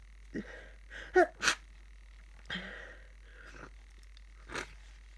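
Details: Tired person with a cold sneezing into a tissue: soft, muffled sneezes, two close together then more spaced, with short in-breaths before.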